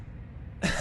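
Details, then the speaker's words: Single short, harsh, non-productive dry cough, demonstrated as the first cough type; dry cough is attributed to irritants such as perfume, incense or smoking, or to asthma or gastroesophageal reflux. "سعال جاف نتيجه المهيجات او العطور او البخور او التدخين اضافه للربو او ارتجاع المريء المعده"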